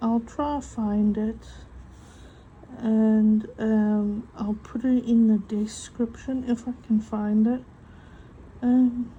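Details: Adult woman with a self-reported stutter affecting mainly vowel-initial and W words, which she says is audible; she has accepted it and copes using breathing techniques; stuttering.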